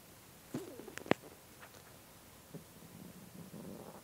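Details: Hunger stomach growling after almost a day without eating: soft gurgles, a few sharp squeaks and a low rumble from an empty adult stomach.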